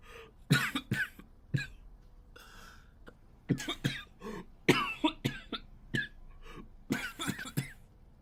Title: japanese boy coughing 4